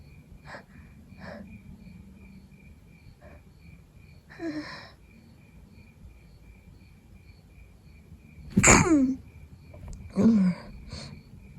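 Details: Adult with a cold trying to fall asleep at night: quiet sniffs, then two loud wet congested sneezes, with nose blowing and slight coughing.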